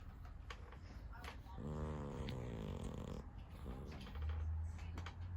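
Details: Sleeping cat with its tongue hanging out, making low, buzzy breaths with a rattling edge among background noise; snoring.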